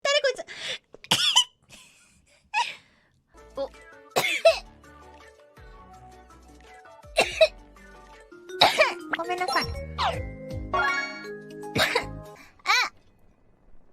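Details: Several short coughs and throat clears between bits of speech, with background music; cough.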